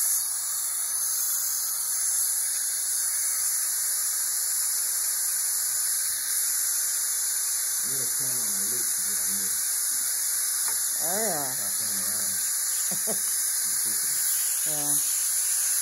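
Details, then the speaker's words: Dental cleaning using a DryShield mouthpiece with Nu-Bird suction mirror to reduce aerosols: steady loud hiss of high-volume suction with an ultrasonic scaler, faint muffled voices. "alright guys in this video I'm going to show you me using a dry shield mouthpiece with new bird suction better"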